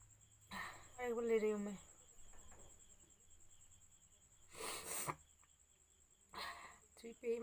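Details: Sneezes induced by sniffing chikni powder: two or three quick sneezes with sharp bursts of air and brief voiced cries, with quiet room noise between.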